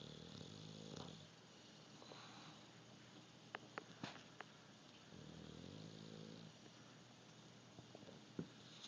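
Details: English bulldog snoring while napping: soft, low snoring breaths with a few faint clicks in a quiet room.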